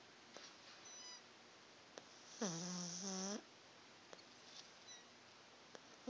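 A single loud snoring breath with a whistling, squeaky edge stands out, plus faint sniffs and soft squeaks from a sleeping small dog.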